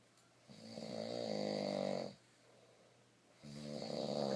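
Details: Two long, loud, rattling inspiratory snores separated by a quiet pause; ordinary snoring.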